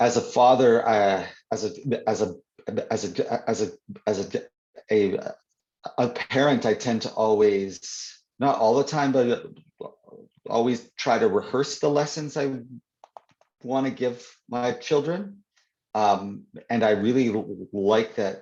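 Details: Adult man who stutters (stammers), speaking in an interview; word and phrase repetitions audible; stuttering.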